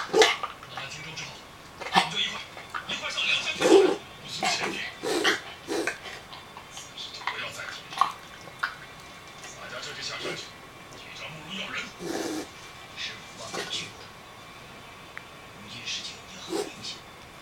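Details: Dog with repeated rapid, noisy snorting inhalations in irregular runs, starting after a trip to the beach, several times daily, resolving within a week; reverse sneezing.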